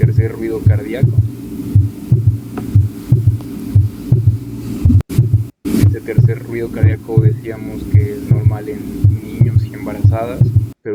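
Regular low heart thumps at about 60 a minute, with a soft extra sound after the second beat forming a three-part rhythm: a third heart sound (S3).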